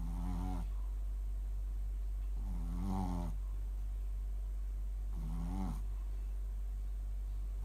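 Three slow, buzzing snores with a tonal, vibrating quality, roughly 23 breaths a minute, over a steady low hum.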